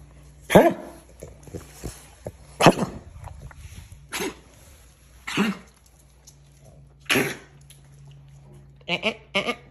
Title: What Kennel Cough Sounds Like | Boston Terrier /Frenchie (Frenchton) Mix